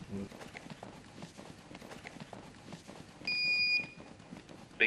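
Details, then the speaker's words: AED switched on during a continuous chest compression CPR and AED demonstration, before pads are placed on the bare chest. A brief steady electronic power-on beep over room noise. "using the AED is fail prooof just turn it on and follow the instructions the voice prompts will walk you through each"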